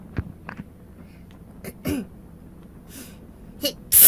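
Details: VTuber sneezing during a game where any sound counts as a scream; a sneeze.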